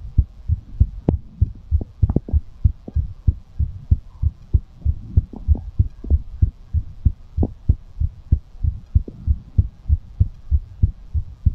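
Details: ASMR recording of a fast heartbeat after exercise: heart rate raised following physical exertion.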